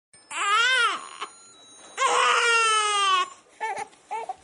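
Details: Infant boy crying during tummy time, refusing to practice crawling on his tummy: loud, high-pitched wailing cries in long bursts, then shorter fussing sounds.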